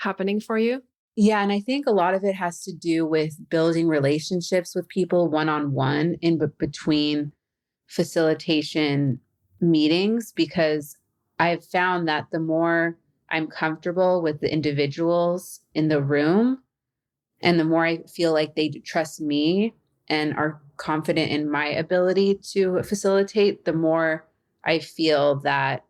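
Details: Adult woman who stutters and says she has become good at hiding it; mild blocks and prolongations; stuttering.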